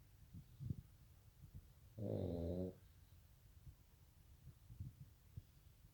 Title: Very Danger Snore